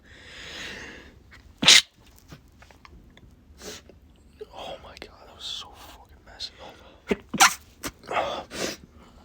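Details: Male trying to stay quiet while his nose tickles: one sharp sneeze, then several muffled, held-back stifled sneezes with sniffs and breaths.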